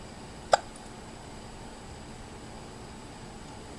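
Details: A 2-year-old girl with hiccups while describing a trip: a single short, sharp hiccup against steady room noise.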